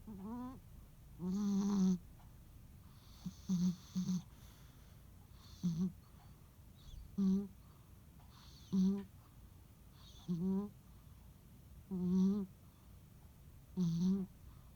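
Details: A sleeping rescue cat snoring on a quiet holiday afternoon: loud, rhythmic, buzzy, wavering snores repeating about every two seconds.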